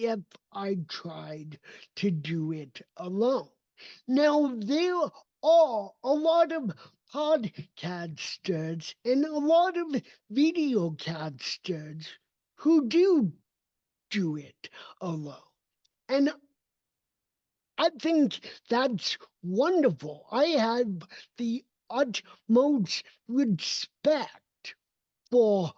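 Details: Dysarthria in an adult man with cerebral palsy; his speech did not develop until age seven, after extensive speech therapy, and he still trains it constantly.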